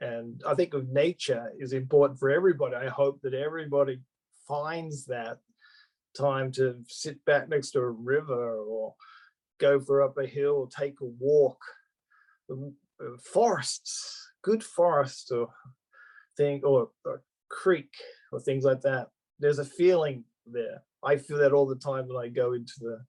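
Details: Adult male Australian-born stroke survivor living in Japan with aphasia after his stroke, speaking spontaneously; real post-stroke aphasia.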